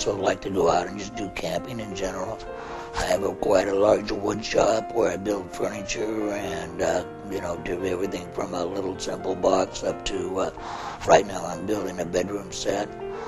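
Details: Man after laryngectomy speaking with a tracheoesophageal prosthesis; he covers the stoma so air enters the esophagus, whose muscles act as false vocal cords: tracheoesophageal (TEP) speech.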